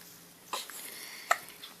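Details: Hiccups in a 25-day-old newborn: two short, abrupt little catches less than a second apart in a quiet room.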